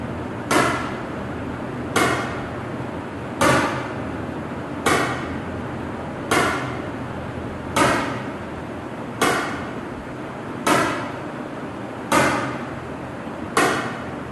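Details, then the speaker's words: ESWL for a roughly 13 mm left kidney stone, shocks given in intervals (usually 2500–3000 per patient) so the patient stays comfortable: regular sharp cracks about 41 a minute over steady machine noise; lithotripter shock waves. "तो वफे वफे से लगाते हैं ताकि patient को भी सुकून रहे और स्टोन भी टूट जाए।"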